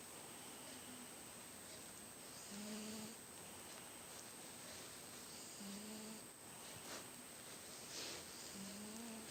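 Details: Cat snoring very loudly during sleep, mistaken at first for a neighbour: soft, faintly voiced snores, about 20 a minute, over a steady high-pitched background tone.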